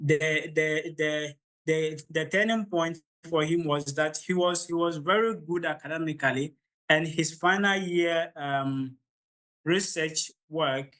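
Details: Adult man from Ghana with real stammering, the only one of 16 siblings who stammers; he says the beginning of his presentation was quite difficult: stuttering.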